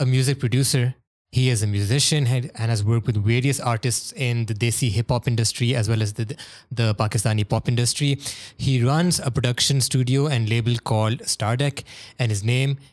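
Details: Adult male speaker; normal fluent speech.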